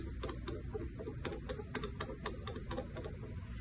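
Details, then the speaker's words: Pregnant female, fetal assessment by Doppler: rapid, even, galloping whoosh-thumps over steady hiss; fetal heartbeat, target range 110 to 160 beats per minute. "And so this is what you will hear as we assess the baby."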